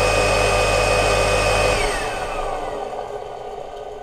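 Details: Cattani Tecno-Jet dental suction motor driving the saliva ejector system in a dental practice: steady mechanical whir and hum that winds down in pitch and loudness as it switches off.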